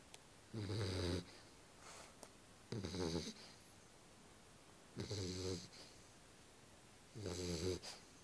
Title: Ben sleeping ^^ (dog snoring)